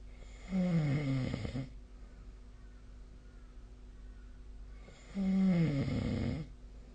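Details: Nightly sleep snoring recording: two low, rattling snores about four and a half seconds apart, with quiet breathing and a steady room hum between.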